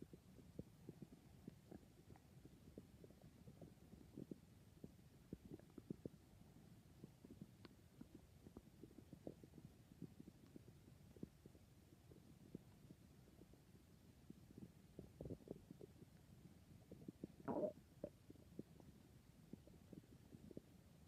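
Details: Adult stomach growling (borborygmi): continuous low gurgling and popping bowel sounds with one louder squeak near the end.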